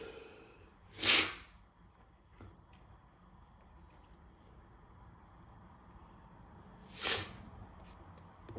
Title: Cold Sneezing Fit